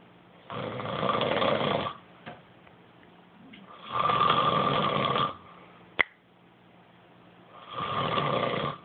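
Rough, rattling snores in steady bursts with quiet gaps between breaths, about 14 per minute; typical snoring.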